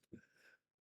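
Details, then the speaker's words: Adult sneezing during a spoken talk, part of a sneezing fit: a single quick, forceful burst trailing into a brief breathy rush of air. "Ooh, excuse me. My goodness. You ask them if they want to hear it, deepening your rapport. Just had a sneezing fit."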